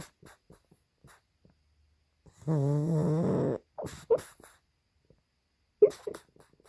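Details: Sleeping pug: soft snuffling breaths, then a loud vibrating snore, followed by short muffled yips while asleep; snoring with sleep barking.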